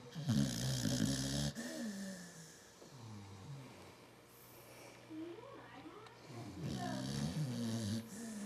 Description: An American Bulldog and owner are snoring away.